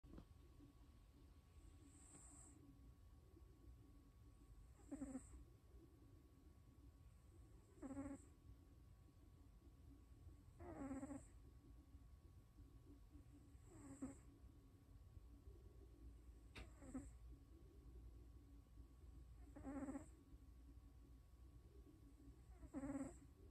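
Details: Sleeping cat snoring in short, rattling bursts about 20 times a minute, with steady low room noise behind. Snoring.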